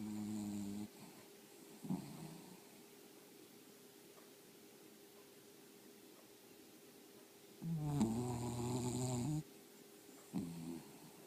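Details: Snoring dog: irregular buzzing snores, some short and one long, with quiet gaps and a faint steady room hum.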